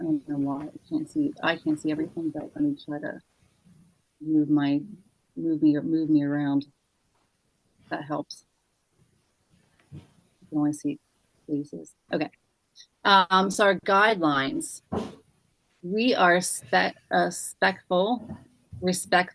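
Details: Aphasia in an adult male, acquired after a traumatic brain injury from a bike accident without a helmet and about a month in a coma, about four and a half years post injury, presenting at an aphasia support group.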